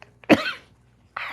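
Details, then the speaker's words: One short, sharp cough from an adult reading aloud live into a mic after hours of talking; brief explosive start fading quickly. "i'm trying not to cough because i know that's very jarring for you to hear it through this mic"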